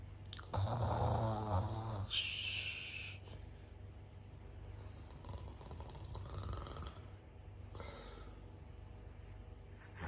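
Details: Loud, rattling inhaled snore, then a breathy exhale, then softer snoring breaths; ordinary snoring.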